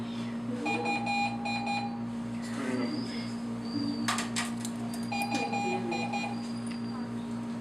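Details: Repeating groups of three electronic beeps over a steady hum: medical equipment alarm during a veterinary practical session, with the animal patient cannulated and on fluids.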